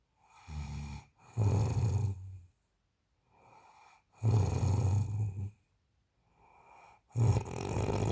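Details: Snoring during sleep.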